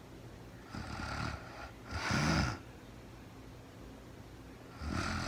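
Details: Real-time recording of a sleeping woman who was very tired: soft, rough snoring breaths with a brief snort and quiet pauses between, in a small room; snoring.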